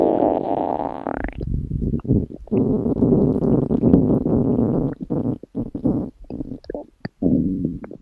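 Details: Long, low gurgling stomach growling (borborygmi), with background music.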